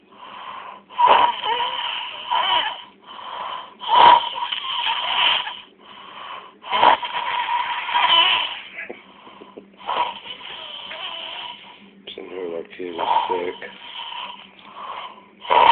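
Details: Loud, high, whistling snores that come and go unevenly, each with a buzzing, squeaky quality; snoring.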